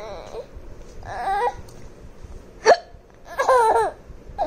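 Sharp, abrupt voiced catches mixed with bursts of laughter; hiccups interrupting laughing.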